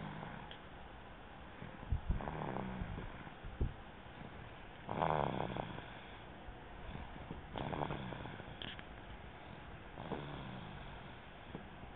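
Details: Baby boy snoring during sleep: soft rhythmic low rumbling snores, about 22 breaths a minute, against light room noise.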